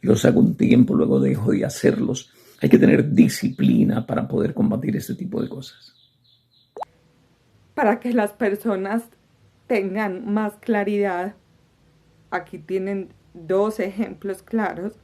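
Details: Adult female with spasmodic dysphonia, a neurological condition treated with botox; last injection in August, five months earlier, so she says this is her voice without botox; spasmodic dysphonia.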